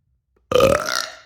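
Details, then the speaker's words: A single loud, voiced burp lasting under a second, fading out, from an adult; an ordinary belch. "I don't know if you guys are into burps or not but there's a burp to go bye guys"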